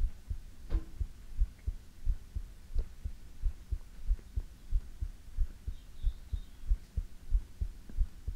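Regular soft low thumps at about 92 beats a minute, a steady heartbeat with faint background hum.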